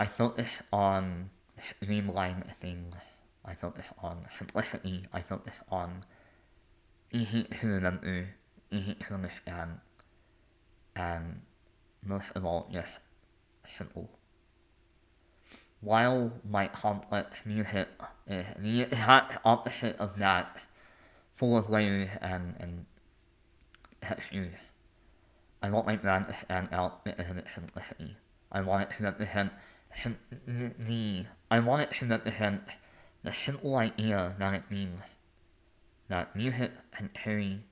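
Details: Adult male artist, composer and conductor with a lifelong speech impediment affecting the mechanical production of words rather than their content, noticeable as soon as he speaks; speech impediment.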